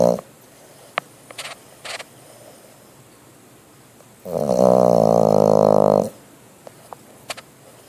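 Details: Bulldog snoring while asleep; owner wonders what he is dreaming about.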